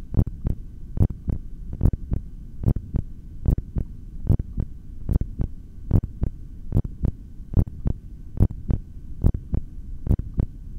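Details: Steady, regular normal heartbeat at about 72 beats a minute through a stethoscope with clear paired beats during a breath-hold session, with a faint hum behind.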